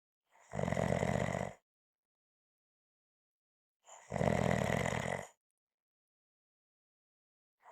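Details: Harsh, rattling snores lasting about a second each, separated by silent gaps of two to three seconds; snoring.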